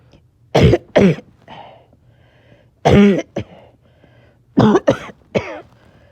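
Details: A little short of breath, in back-to-back coughing fits clipped together: harsh coughs in clusters of two or three with short gasping breaths between; repeated coughing fits.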